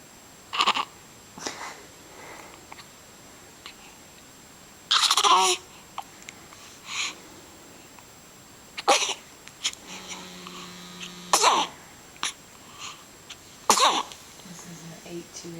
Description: at three weeks going through a range of emotion: sleeping, smiling, frowning, sneezing...